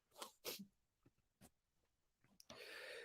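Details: An adult recovering from COVID-19 with congestion and mild drip sneezes in two quick, forceful bursts, followed by softer breaths and steady background hiss.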